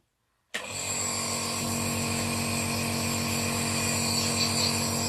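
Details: A home ventilator used each morning for up to 20 minutes to clear the airways: the machine starts abruptly, then runs with a steady loud whir and fast rhythmic pulsing.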